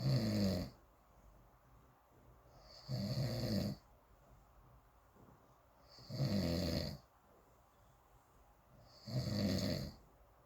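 Loud, rough, low snores with quiet gaps between, about 20 a minute, steady rhythm: ordinary snoring.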